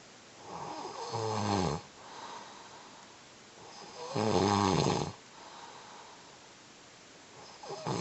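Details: Adult man with sleep apnea, just recovering from a cold, snores loudly while asleep: rattling inspiratory snores about two every eight seconds with quieter breathing between; filmed by his wife before he wakes.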